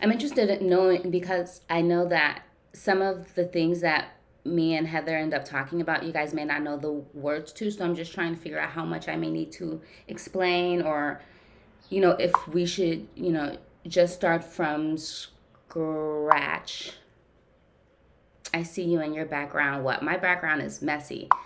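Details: Adult woman who stutters, speaking during a live therapy session with her therapist; therapy has gradually helped her speech over time; stuttering.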